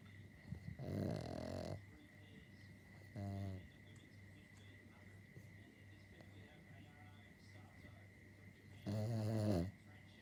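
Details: Pet dog asleep: low, rumbling snorts on breathing in, a few over ten seconds, with a steady background hum; dog snoring.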